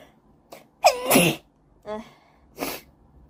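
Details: Reflex sneezing triggered by a COVID-19 nasal swab test; a sharp inhaled catch followed by a forceful sneeze, then smaller breathy sneezes.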